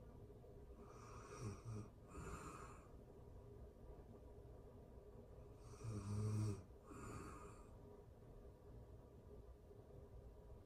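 Soft, low snores in pairs with each breath, roughly twelve a minute, against faint room noise; ordinary sleep snoring.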